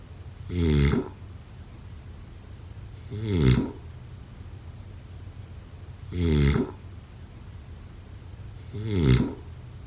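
Four loud, rattling inhaled snores about every three seconds, roughly 20 a minute, in a quiet room: snoring during sleep.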